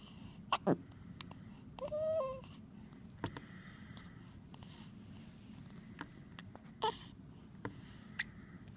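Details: Newborn baby, 1 day old, with hiccups: soft, brief catches recurring at irregular intervals against room noise, with one short whimper.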